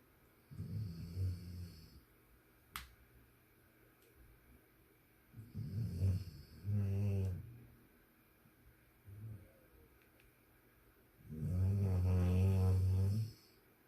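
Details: Low, deep snores at irregular intervals, the last long and droning, with faint clicks in a quiet room; snoring.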